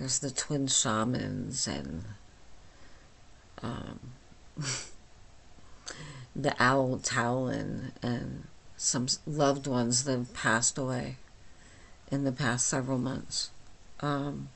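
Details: Adult woman with myasthenia gravis since age 8, with talking and swallowing problems, speaking without her usual speech appliance: myasthenic dysarthria (hypernasal speech)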